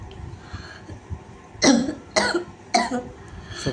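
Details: Child's acute barking cough that began after getting soaked at school: three forceful, harsh coughs with a barking, croup-like quality.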